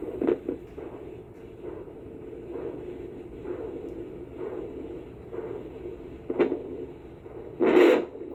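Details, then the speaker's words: Post-surgical Doppler check of blood flow to the penis during stage 1 recovery, done hourly then four-hourly: rhythmic whooshing pulses at about 65 a minute, like a little heartbeat; arterial flow signal. "they put a little thing on your penis and they give it a good listen and it sounds like a little heartbeat"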